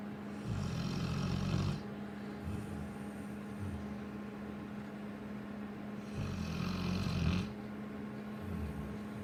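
Two deep, rumbling snores about five seconds apart under a steady hum and background noise; a large dog snoring.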